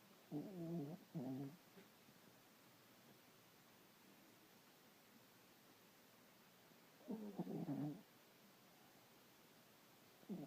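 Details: Short, soft, rattling snores in brief bursts separated by quiet pauses while napping after a tough day. Light snoring.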